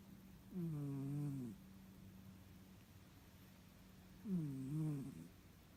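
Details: Cat sleeping spread out and snoring, recorded on an iPad: two slow, droning breath sounds with a quiet gap between them.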